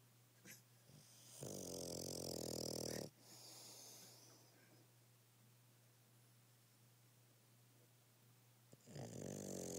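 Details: Bulldog snoring hard in sleep: loud, rough, rattling snores on the in-breath separated by quiet pauses; noisy upper-airway breathing.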